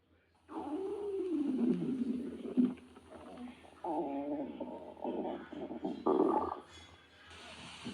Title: snowy stomach growling